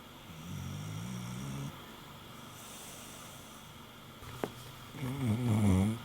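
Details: Sleeping English Bulldog snoring: low, grumbling snores in a quiet room, with a brief louder snort near the end; dog snoring.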